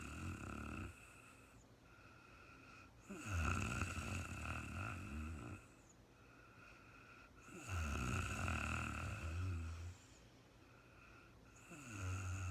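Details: Woman sleeping at night, real-time recording: loud, rough low snores on each breath in, about 13 a minute, with quieter breathing out between them.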